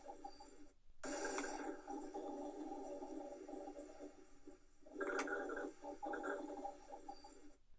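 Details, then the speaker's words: Teaching example of rhonchi heard through a stethoscope: low-pitched continuous rumbling and rattling from mucus in a bronchus, which an effective cough can mobilise and change. "on voit bien à gauche une branche scène et à droite une branche avec la présence de mucus créant le rookie une tout efficace va mobiliser le mucus modifiant ainsi la perception des ronds qui voici un exemple de ce bruit"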